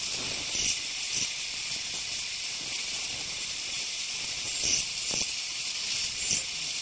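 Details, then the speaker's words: Ultrasonic piezosurgery unit cutting bone during sinus window osteotomy: steady high-pitched hiss with brief louder scratchy bursts as the tip sweeps bone. "so I will use a little bit more aggressive tip something like a bone cutting uh like a bone saw type of tip"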